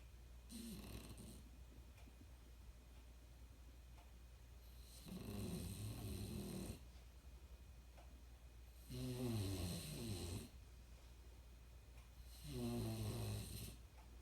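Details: A sleeping dog gives loud, rattling snores on each breath, about every 4 seconds (roughly 15 breaths a minute); the owner says this dog snores more and louder than any animal they have known; snoring.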